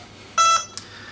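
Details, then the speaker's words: A short, sharp power-up beep from a veterinary electrosurgical unit alarming because the grounding plate is not plugged in; the alarm stops once the plate is connected. "that is our alarm. So, if we plug in our grounding plate, we can see the previously lit up red light is now green and that alarm has stopped sounding."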